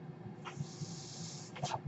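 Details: Breath cycles of a home mechanical ventilator worn by a person who is speaking while recording a podcast and notes the noise comes from the ventilator.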